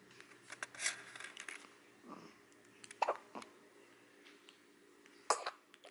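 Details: Newborn only a few days old with a few soft, sharp, irregular hiccup-like catches in a quiet room, faint background noise: ordinary hiccups.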